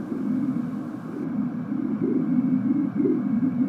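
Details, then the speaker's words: Duplex Doppler ultrasound of the left hepatic vein from a midline subcostal view during a liver scan, patient breathing: continuous whooshing signal rising and falling in rapid, uneven waves, hepatic vein Doppler flow. "again for the left we're getting a nice signal here we'll have our patient breathe and i'll take an image of that"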